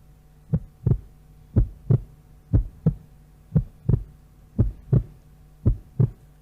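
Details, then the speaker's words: Heartbeat from a pregnancy scan played during a sermon: steady, regular two-part thumping about 60 a minute over a faint background hum. "a mother goes to the doctor and they get that scan that heartbeat puts so much joy and that concerns mom's head because it means New Life"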